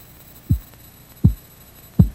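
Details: Korotkoff sounds from a Red Cross first-aid training sample of blood pressure by auscultation: regular dull low thumps about 80 a minute through a stethoscope as the cuff deflates; first sound marks systolic, last marks diastolic pressure.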